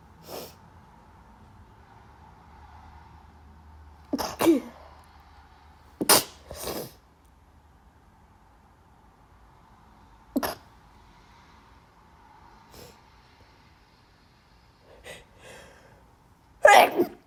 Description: My allergies are so badd 😭